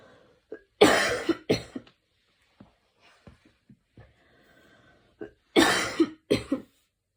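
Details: Person lying on their back in the evening: a coughing fit.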